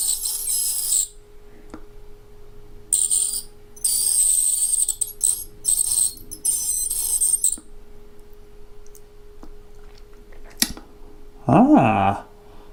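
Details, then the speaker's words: Person cleaning tartar off their own front teeth with an ultrasonic scaler on normal setting: bursts of shrill, high-pitched buzzing over a faint steady hum. "let's go to normal it's making some noise so I'm going to try to hold this up this is going to be hard and see what I can do about these teeth in the front first"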